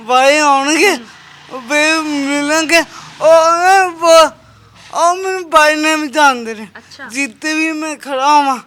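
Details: Speech impairment with prolonged syllables (stammering) in a young Sikh man with a disabled hand; the problem has been present since birth.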